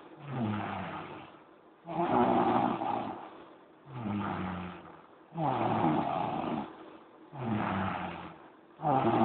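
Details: Elleine snoring during a noontime nap: loud, rough, rattling snores with each breath, about 17 breaths a minute, regular and steady.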